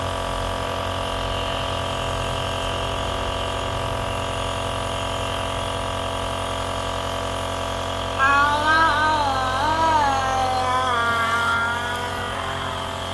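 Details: Nebulizer compressor running for a child's productive (phlegmy) cough: continuous motor hum and buzz, a child's brief sing-song voice near the end.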